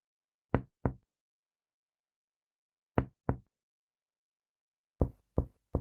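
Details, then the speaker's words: Percussion note, human patient, down the midclavicular line from the 2nd intercostal space: lung resonance changing to dullness where lung parenchyma overlaps liver dullness, becoming resonant again on deep held inspiration, then hepatic dullness. "encontramos un matidez se da por la superposición del parénquima pulmonar con la matid hepática"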